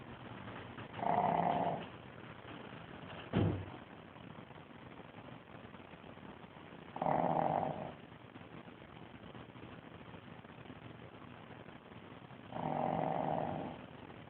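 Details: Sleeping dog snoring, recorded on an Android phone: three rattling snores about six seconds apart, roughly ten breaths a minute.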